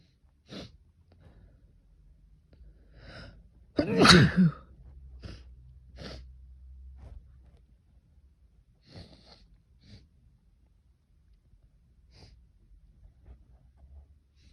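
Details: Several sneezes with sniffs and catching breaths between them, one especially loud, in a quiet room with a low hum, during an intense sneezing fit after trying stilfes. Sneezing fit.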